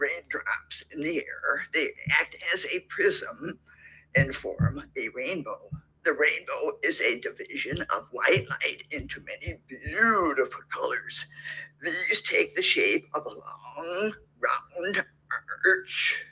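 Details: Patient with hyperfunctional dysphonia and suspected spasmodic dysphonia reading the Rainbow Passage before therapy; later treated with Botox alongside continued voice therapy; dysphonia (hyperfunctional, suspected spasmodic dysphonia).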